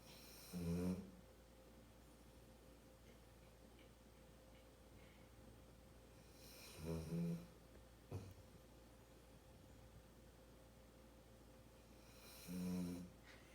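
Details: Small, contented sleeping dog: three loud, rattling snores about six seconds apart, with a brief snort between, in a quiet room: dog snoring.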